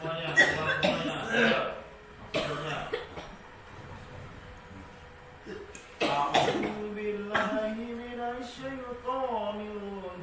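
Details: Several rough coughs and throat clearing amid a man's chanted Quranic ruqyah recitation, in a patient with shortness of breath, loss of smell, coughing and body aches; cough.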